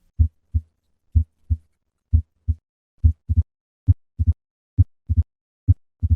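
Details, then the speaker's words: Advanced mitral stenosis: regular heartbeat near 65 per minute, first normal beats, then an opening snap after S2, then a low-pitched diastolic murmur. "the murmur of mitral stenosis is low pitched and requires the bell of the stethoscope to be held lightly on the chest wall"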